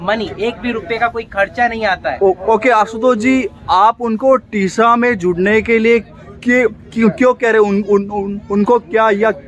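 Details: Stuttering (stammering) in an adult man who says he stammers and belongs to a stammering self-help association, speaking Hindi during speech practice on a train after a communication workshop.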